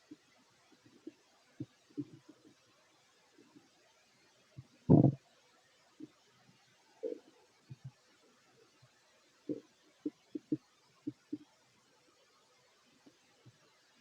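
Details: Fit adult male's stomach growling while eating: scattered low gurgles and rumbles from the belly in a quiet room, one louder growl midway; ordinary borborygmi.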